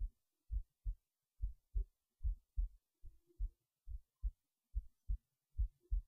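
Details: heartbeat recorded while resting in bed late at night before sleep; steady low paired thumps at about 72 a minute; normal resting heartbeat.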